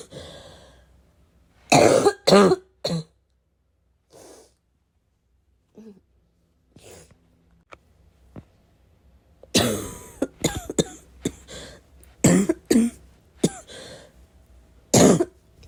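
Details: Heavy, harsh barking smoker's cough in someone who vapes, unsure whether from the vape or getting sick: repeated bursts with throat clearing and snorting between them.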